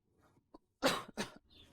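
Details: Two harsh cough bursts after a brief throat sound, acted in a TV drama by a man whose character has a cough and flu and is coughing all night, unable to sleep; simulated cough.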